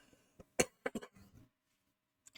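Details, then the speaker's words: Adult speaker recording in one take while still having a cold and cough: a few short, harsh cough bursts close together, followed by quieter breathy sounds; cough. "Apologies. I tried to do this in one take, so when you've still got a cold."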